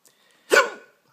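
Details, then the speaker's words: Early-morning hiccups around 6 a.m. in a person unable to sleep; a single abrupt voiced gulp that rises sharply and fades, one hiccup. "hiccups hiccups hiccups go away"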